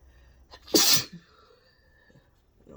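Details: Brief in-breath, then one loud explosive hissing sneeze, induced by tickling the nose with an object in bright sun; the sneezer suspects sensitivity or allergy to it.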